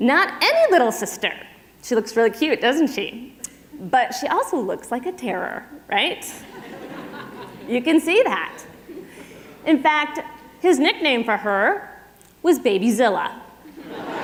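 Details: Adult woman speaking; plain speech.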